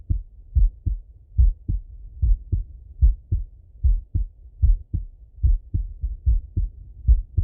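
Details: Male heart auscultation through a stethoscope, recorded sitting or lying: regular lub-dub heartbeat at about 72 beats a minute with crisp first and second sounds and no added noises; normal heart sounds.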